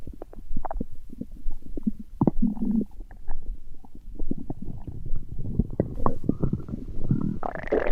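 Low, irregular gurgling and rumbling with bubbling bursts, building louder toward the end: ordinary stomach growling from gas and fluid moving through the gut.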